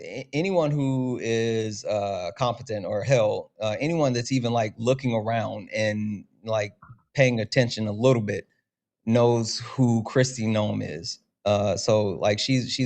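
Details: Adult male speaker; Normal voice.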